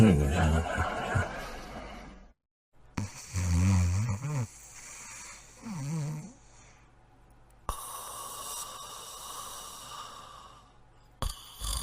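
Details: Two people sleeping and snoring: deep rumbling snores with rough, snorting breaths between quiet stretches, with faint room noise.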